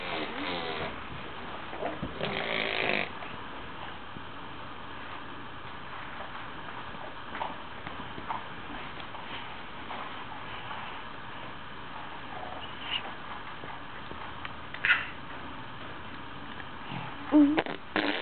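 A single sudden, noisy sneeze burst early on, then quiet room noise with a few faint sounds.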